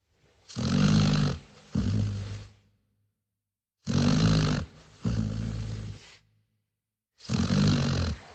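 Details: A sleeping dog snores in three slow cycles, each with a rattling, snorting inward breath and a softer outward one, about 19 breaths a minute.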